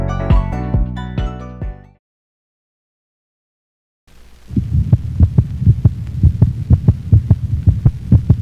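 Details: Dog heart sounds from a canine heart-sounds quiz recording, with gently uneven beat spacing: sinus arrhythmia, a normal finding in dogs.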